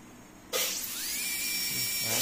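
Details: After a quiet start, a high-pitched whine rises to a steady shrill pitch with airy hiss as a dental air-turbine handpiece (airotor) spins up, after its water-spray problem was solved by inserting a size 20 K-file.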